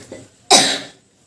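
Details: Acute cough case: one sharp, loud cough burst that fades quickly.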